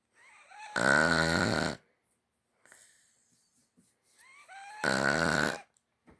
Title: Funny puppy snoring